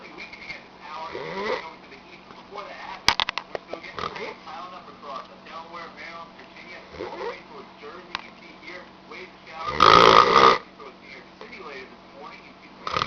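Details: Man with extremely loud snoring: ongoing snorting and squeaky breathing noises, one loud harsh snore near the end, background voices and clicks; snoring.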